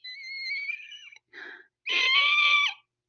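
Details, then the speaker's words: Imitated asthma-like wheezing: high-pitched whistling, sibilant hissing breaths on inspiration and expiration, demonstrated in a respiratory lecture; wheezing (imitated). "just think when you think about wheezing think about asthma if you've ever heard anyone have asthma it's kind of like"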